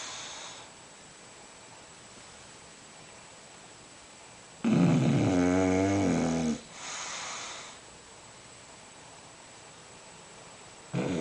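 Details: Loud, harsh, wavering snore lasting about two seconds, then a softer exhale and quiet, from a bulldog sleeping in a kitchen; snoring in a flat-faced dog.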